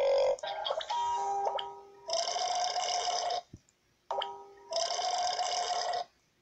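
Two long, loud, droning belches with music in the background; burping.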